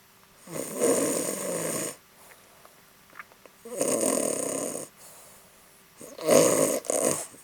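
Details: Snoring from a sleeping cat lying on top of a couch.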